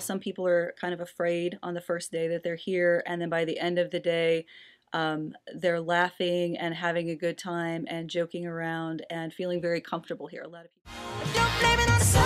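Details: Adult woman; normal speech.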